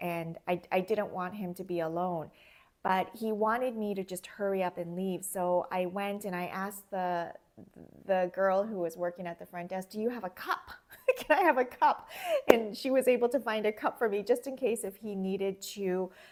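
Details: Adult woman; no speech disorder.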